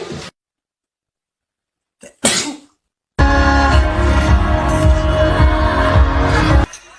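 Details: Sneezes from the youngest member (maknae) of a group: short, sharp, explosive bursts followed by loud background music.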